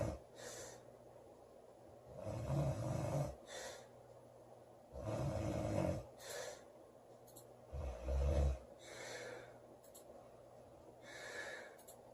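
Loud, rough rattling inhalations every four to five seconds, roughly 14 breaths a minute, with softer exhalations between: heavy snoring.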